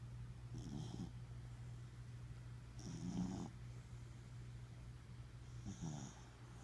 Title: Snoring Corgi- Ryder Rogue